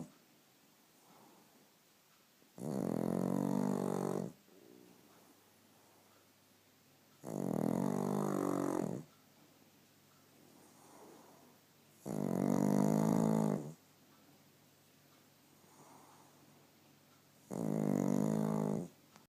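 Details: Sleeping pug puppy snoring: loud, rough, rattling snores about every five seconds, roughly 12 a minute.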